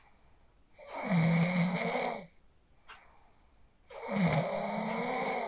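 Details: Phone recording of a person asleep in a quiet room after practicing the 4-7-8 breathing technique: two long, harsh in-breath snores about three seconds apart; sleep snoring.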